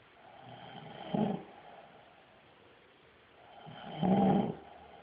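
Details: Man sleeping soundly, not flinching at camera flash, birds, sirens or barking dogs: two loud, rattling inhaled snores with quiet breathing between; heavy snoring.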